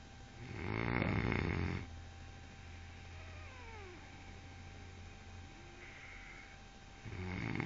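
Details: A cat snoring in its sleep: rough, rattling snores on each in-breath with soft whistling breaths between them, about seven seconds per breath.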